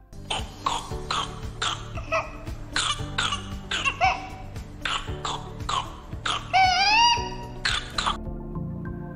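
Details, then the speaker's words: Rapid run of about a dozen coughs followed by a high-pitched crowing inspiratory whoop, over background music, illustrating the paroxysmal phase of pertussis: whooping cough paroxysm with whoop. "a fase París com duração de até se semanas os parossismo de tosse seguidos de Guinchos e respiratórios que são as manifestações mais típicas Observe o som produzido"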